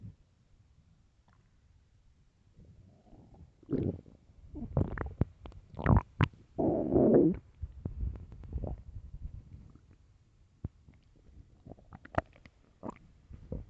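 Long, loud, irregular gurgling and squeaky rumbling from the stomach; ordinary hunger growling.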